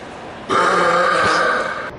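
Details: A single long, loud, voiced burp lasting over a second, done deliberately in a public park as comedy; burp.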